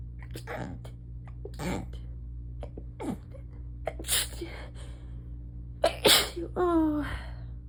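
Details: A rapid fit of about six muffled, held-back sneezes while lying down, each a short choked burst, ending in a groan; stifled sneezing that the person says makes it worse.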